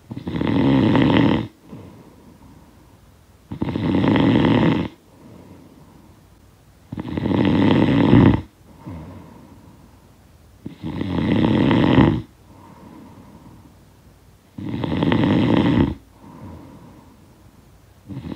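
Loud, rough snores on each breath in, about 16 a minute, with quieter breaths out between. Snoring from a sound-effect recording.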